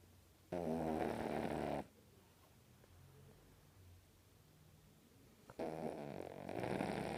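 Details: Sleeping pug puppy; two loud, rough, rattling snores with a quieter breathing pause between; snoring.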